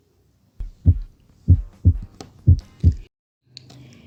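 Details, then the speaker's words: Normal heart sounds heard at the tricuspid area, left fifth intercostal space, in a physiology lesson on auscultation: regular low thumps at about 60 beats a minute with normal first and second sounds. "primero comencemos con el foco tricúspide que se encuentra en el quinto espacio intercostal en el lado izquierdo aquí vamos a escuchar a la válvula tricúspide"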